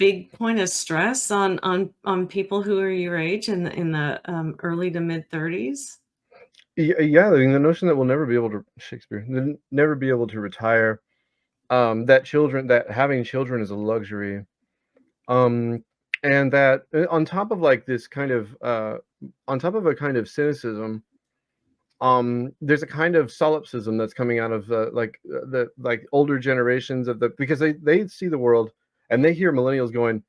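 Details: 34-year-old man with Tourette's disorder whose recurring involuntary vocal tic is the word "Shakespeare", in a podcast interview; vocal tic.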